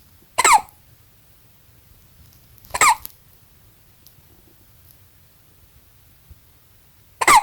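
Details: Newborn baby, 20 hours old, with hiccups: three sharp, squeaky hiccups a few seconds apart, with quiet room noise between them.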